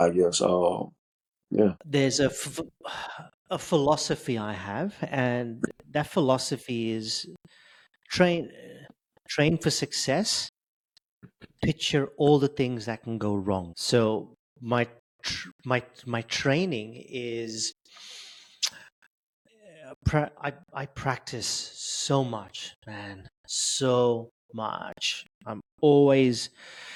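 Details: Adult male with stuttering since age 10, reporting blocks, prolongations and repetitions; word repetitions heard here; stuttering.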